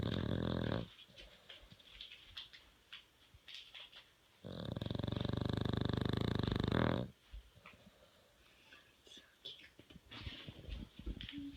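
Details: Sleeping dog snoring: a long, rough, rumbling snore lasting a few seconds, with soft snuffly breathing and faint room noise before and after.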